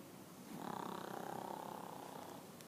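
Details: Pomeranian dog, very tired after a big meal, asleep: one long, fluttering, rattly snore on a single breath; snoring.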